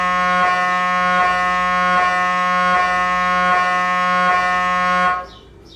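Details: Loud, rhythmic buzzing tone repeating in pulses under a second, gradient-coil noise of an MRI scanner during imaging; patients wear music headphones to muffle it; MRI scanner noise.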